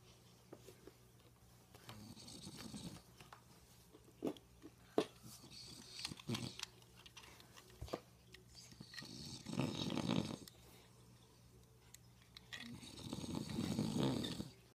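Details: Father snoring: soft, rough snoring breaths about every four seconds, with clicks and small room noises in between.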